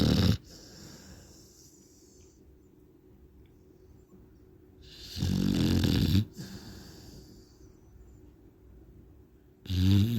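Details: A sleeping pit bull dog snoring: harsh, rumbling snores on inhaling, separated by a few seconds of soft breathing, with steady room noise.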